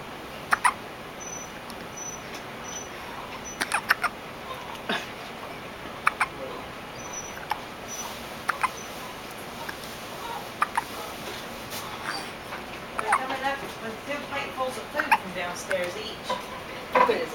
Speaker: There's your synchronized hiccups. For filming synchronized hiccups.